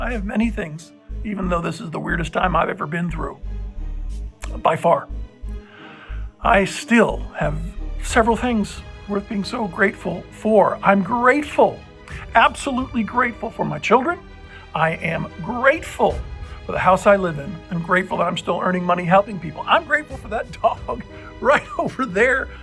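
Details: Adult male with dysphonia persisting nine months after a respiratory illness that puzzled doctors; infection cleared, no breathing trouble, but an uncontrollable spasmic cough remains; voice unlike his normal one, possibly reversible but uncertain.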